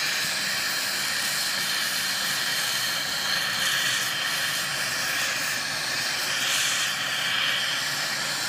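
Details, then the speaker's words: Indirect retainer bonding, demonstrated on a large model: continuous loud hissing water spray with suction rinsing etching gel off the teeth after 15–30 seconds. "мы подождали от 15 до 30 секунд смиваемм всё"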